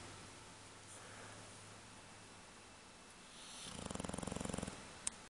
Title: Snoring away......funny dog!!!